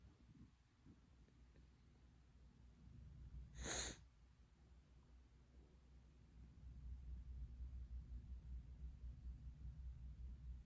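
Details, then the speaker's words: Person whose nose is irritating them, sneezing repeatedly: a single brief, hissy nasal snort-like burst with soft breathing and low room hum around it. "Whoa. Hey. My nose is irritating me."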